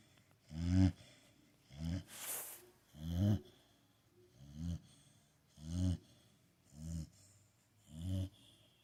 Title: Blue pitbull Jake sleeping and snoring!!